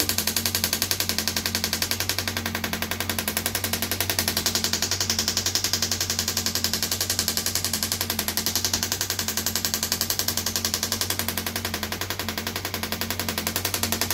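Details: Radial shockwave therapy on an arm wrestler's triceps, patient seated leaning forward; rapid, steady mechanical tapping at about 220 pulses a minute over a low hum as the tissue is said to be letting go.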